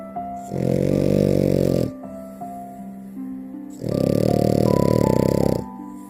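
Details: French bulldog (Frenchie) puppy snoring while sleeping and being cuddled: two long, loud, buzzing snore sounds over soft music.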